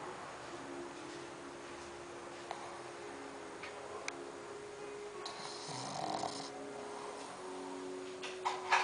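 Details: Sleeping 9-month-old pug snoring: soft, steady rattling snore with faint room noise and a few clicks; ordinary snoring in a flat-faced dog.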